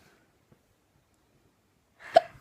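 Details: After a quiet stretch, one abrupt short hiccup with a sharp vocal catch from a person with hiccups.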